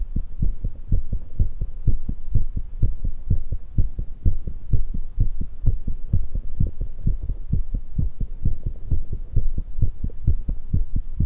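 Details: 19-year-old female's rapid, unrelenting heartbeat after exercise, recording including tea drinking and stomach noises.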